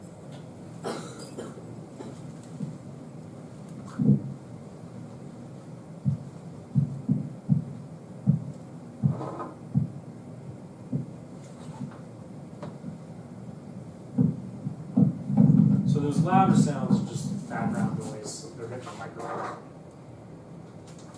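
Soft regular thumps in time with the pulse as the cuff deflates, fading away, with louder handling noise: Korotkoff sounds.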